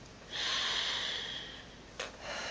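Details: Female patient with pectus excavatum on pain medication doing incentive spirometer inhalation: strong sustained hissing inhalation over a second, then a short puff and fainter airflow.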